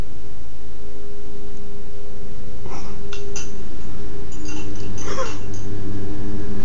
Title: Kennel cough